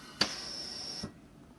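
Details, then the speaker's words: GE Carescape ventilator in suction-oxygenation mode (two-minute mode for suctioning or filter change), adult set-up: a click, then a steady high hiss of gas flow that cuts off after about a second when the patient circuit is disconnected. "it stops so just make sure that you push it away from your face or your body"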